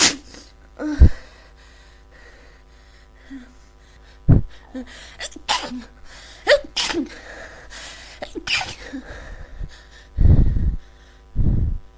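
Several sharp sneeze bursts with sniffing and congested breaths between them, fitting repeated sneezing with a head cold.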